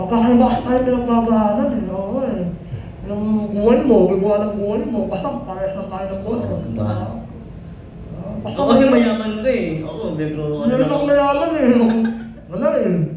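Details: Cast member of a film about people with nasal speech (ngongo), himself one of them; hypernasal speech.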